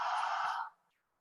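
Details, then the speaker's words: Digits-in-noise hearing screening test, hard stage: brief burst of hissing noise with spoken digits barely or not audible, then silence. "You might just hear lots of hissing and not hear the digits, but I'm going to play it anyway for you. So we might have heard 903 and 198."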